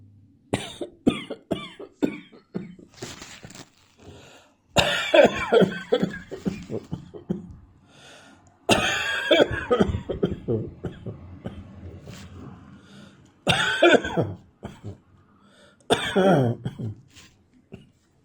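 Repeated bouts of short, harsh, dry coughs in an adult, with quiet breaths between fits.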